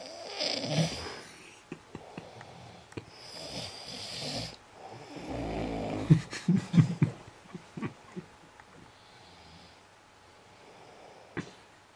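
Quiet, rough breathing noises recurring during sleep, with soft snorts; snoring in a quiet room.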